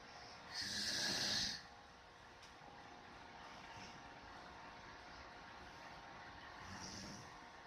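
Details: Loud snorting snore followed by a softer one several seconds later, with steady background hiss: snoring in a sleeping dog.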